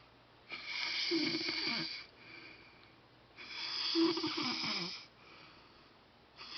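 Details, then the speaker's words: Very loud snoring from a sleeping man, likened to a Harley rolling up and down the street, recorded at night in the dark. "Damn, that man be snoring hell loud."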